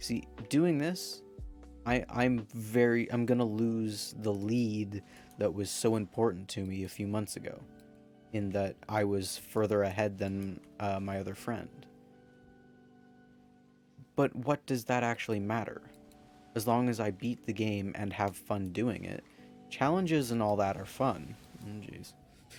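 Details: Male speaker who says his stutter can be heard in this recording and is part of him; stuttering.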